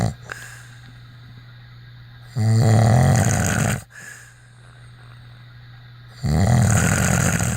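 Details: Snoring: two loud, low, rattling breaths about four seconds apart, roughly 15 breaths a minute, over a steady hum.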